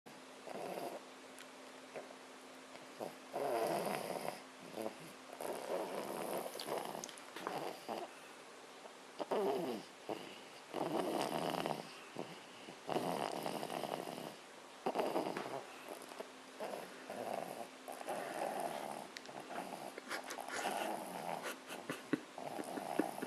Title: Snoring baby